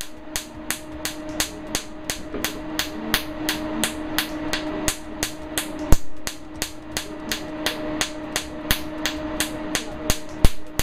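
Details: Regular sharp snapping clicks, about two to three per second, over a steady hum: Q-Clear Q-switched laser pulses on a numbed plantar wart, power stepped up toward level four at 3–4 Hz, after earlier CO2 laser and surgery failed.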